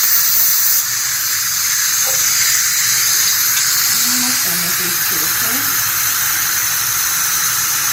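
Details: Young child having the last dental sealants placed, then given water at the finish: steady loud hiss of dental suction and water spray, with faint voices in the background.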